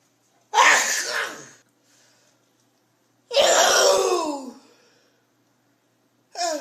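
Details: Grandmother in America having a theatrical sneezing fit at home: two forceful, voiced sneezes a couple of seconds apart, with a third starting; whether she has allergies is unknown.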